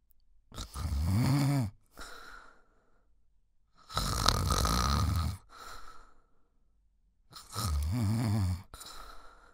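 Loud, deep, rattling snores on each breath in, each followed by a softer breath out, about 18 breaths a minute.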